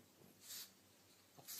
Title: Pug breathing noises